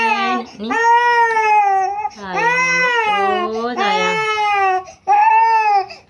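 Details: Infant crying during traditional baby massage for sprain, cough, cold and fever: loud, clear-toned wailing cries in long bursts with brief catches of breath between; vigorous infant cry.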